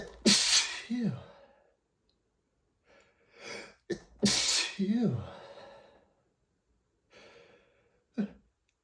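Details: Adult male's repeated sneezing from an allergy flare after dusting: two loud, forceful sneezes, each with a sharp intake before it, then snorts and sighs.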